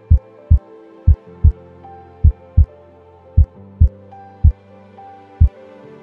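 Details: Normal heart sounds detected contactlessly by a radar vital-sign system that monitors heart sounds, heartbeat and respiration.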